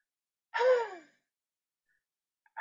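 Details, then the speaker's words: Single open-throated forced exhalation without closing the glottis, like fogging a mirror, demonstrated seated upright with hands on knees: a huff cough used for airway clearance to move secretions. "So it should be kind of like if you were going to fog a mirror and you breathe down it like that. That's what a huff cough is."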